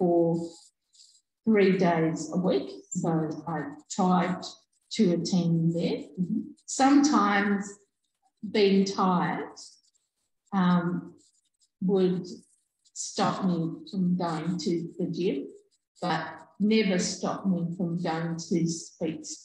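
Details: Adult woman, real stroke survivor, stroke in 2020; on waking she could only say "um"; residual word-finding difficulty and delayed speech output persist; aphasia after stroke.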